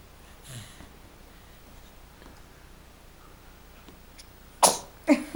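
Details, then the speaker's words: Girl who has hiccups sneezes: quiet room, then two quick, sharp sneeze bursts close together near the end. "Hey, Gesundheit."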